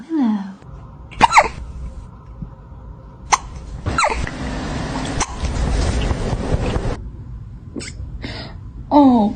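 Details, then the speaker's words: Kitten with hiccups: meows with several short, sharp, jerky bursts between them, and faint room noise. "You have the hiccups?"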